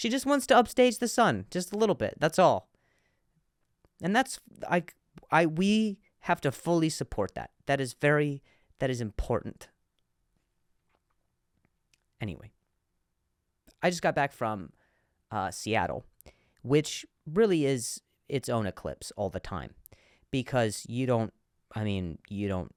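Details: Comedian who stutters, speaking in a podcast monologue; stuttering with audible word repetitions.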